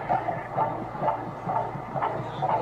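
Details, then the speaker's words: Pregnant women with a device held near the body: rapid, regular pulsing thumps at roughly 140 a minute, an unborn baby's heartbeat. "son mujeres embarazadas donde ponen los megáfonos cerca de su cuerpo para escuchar los latidos del corazón"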